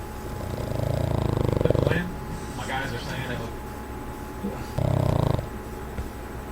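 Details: Sleeping Boston Terrier snoring, then snorting when woken by owner: low, fluttering, rattling breaths with snorty bursts over room noise.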